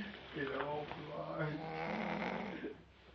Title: WHAT A SNORE